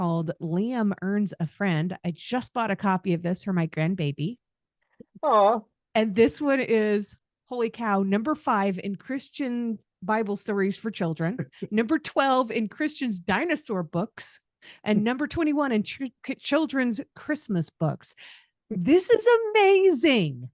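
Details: Adult speaker, likely female; normal speech.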